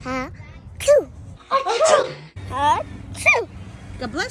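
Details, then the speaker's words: Demonstration sneeze in a social-story teaching video on covering the mouth and nose: a drawn-in breath, then a sharp burst of sneezing with voiced sounds around it. "when we sneeze we can spread germs to people around us that's why it's important to cover our mouth and nose"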